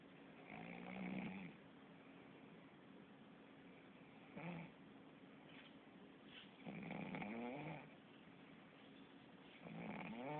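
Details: Snoring from a sleeping cat: soft, regular, rumbly breaths every few seconds over quiet room noise.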